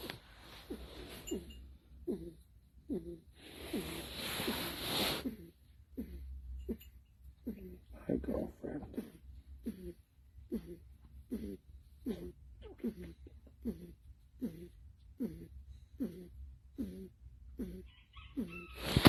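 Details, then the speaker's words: Baby goat with a cold, on medication: rhythmic snuffly, congested breathing through the nose, about 50 a minute; owner notes it comes from a stuffy nose, not the lungs; nasal congestion. "now you hear that noise that is coming from her nose that breathing is coming from her her nose right there the loud the loud breathing so that's just from a stuffy nose from the cold"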